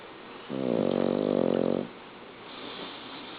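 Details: Loud rattling snore on the in-breath, then a quieter breath out, during sleep; loud enough to be heard upstairs; snoring.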